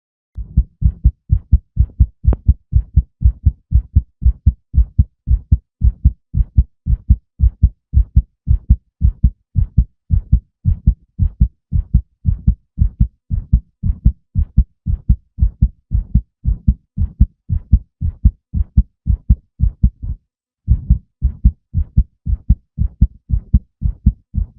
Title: male heartbeat sound 2